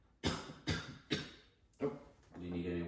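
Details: Cough at the end of a student physical therapist's airway clearance session with deep-breathing and rib-expansion exercises targeting the right lower lobe; afterwards there was no crackling in the right lower lobe.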